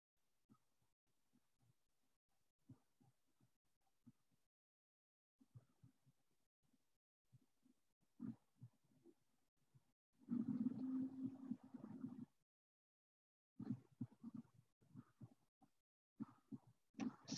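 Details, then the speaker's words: Very faint, muffled child's voice, barely recognisable as speech: a simulation of how a child talking sounds to a listener with mild sensorineural hearing loss, quieter than the mild conductive loss example. "even though all of these that we were just listening to were set up for a mild hearing loss there was a little difference the conductive hearing loss to me seemed like there was a little more volume there the sensory neural it was almost there was nothing there I could barely tell that they were talking"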